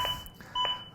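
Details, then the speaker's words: Zoll AED Plus defibrillator in a training demonstration of simulated CPR: steady, evenly spaced metronome beeps at about 100 a minute that keep going regardless, setting the chest-compression pace. "Je ne fais rien, la musique continue. C'est bien une preuve que c'est, comme on l'a dit précédemment, un métronome. C'est la musique sur laquelle je dois me caler en matière de rythme."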